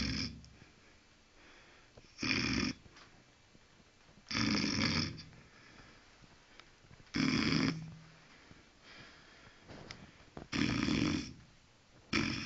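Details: Guard dog asleep at night: loud rasping snores on each breath in, every 2.5 to 3 seconds (roughly 22 a minute), quiet breathing between; ordinary snoring.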